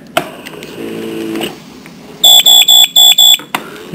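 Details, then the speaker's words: Parapac gas-powered adult transport ventilator, five rapid high-pitched beeps warning that airway pressure is nearing the set peak pressure limit, during setup for a patient. "that beep lets you know that you're getting close to your Peak pressure [Music] limit"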